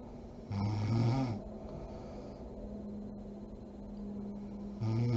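Loud, low rattling breaths during sleep, with a quieter pause between them; typical snoring.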